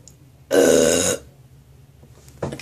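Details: Nauseated adult in a bathroom, feeling sick and like throwing up, chicken taste coming up: one long, loud, throaty belch-like retch in a small room with a brief second sound at the end; belching/retching.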